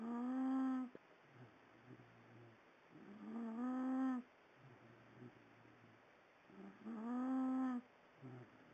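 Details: Adult man snoring in bed after reportedly smoking crack all night through an old coke can; regular tonal, humming snores with quieter grunting exhales, about 17 breaths a minute; snoring.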